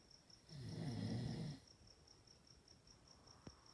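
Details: Chihuahua snoring while asleep: a single low, rough snoring breath lasting about a second, with faint steady chirping in the background.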